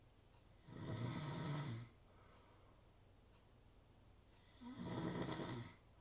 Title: Natural Snoring Sounds- Real Snoring, Ambient Sounds.